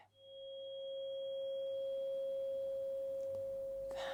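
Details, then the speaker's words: Simulated Rinne test in a role-played cranial nerve exam, air conduction: struck tuning fork held beside the ear after being placed behind it; a steady, pure ringing tone with faint rustling near the end. "okay say I'm going to pop it behind the ear in front behind your ear tell me when you don't hear anymore"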